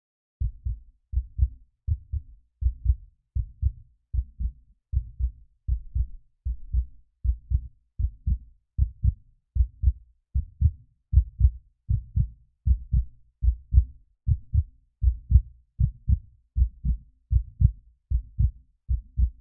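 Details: Normal heartbeat played as soothing sleep sound for babies: steady, regular low lub-dub at about 77 beats a minute, with no other sounds.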